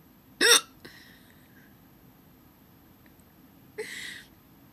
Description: I have the hiccups